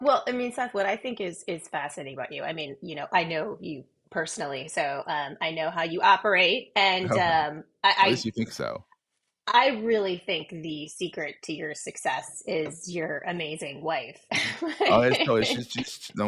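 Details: Adult woman speaking; normal voice.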